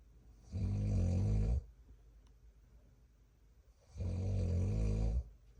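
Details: Father snoring at 33 weeks of pregnancy: two long, low, rumbling snores on breathing in, about 17 breaths a minute, in a quiet room.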